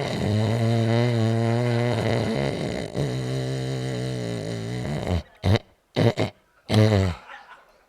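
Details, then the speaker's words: Comedian's imitation of sleep apnea snoring: a long, loud, rattling breath followed by sharp gasping snorts; simulated, not a real patient. "Now, if you know somebody that sleeps like that, you better get them a CPAP machine or they're going to croak."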